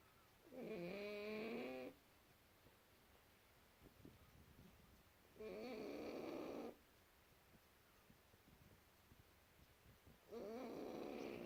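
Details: Snoring from a sleeping, very tired pug: loud, rattling inspiratory snores about 12 a minute with quiet pauses between.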